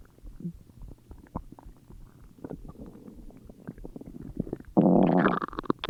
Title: Stomach growls